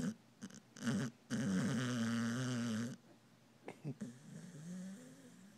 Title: Charlie the snoring dog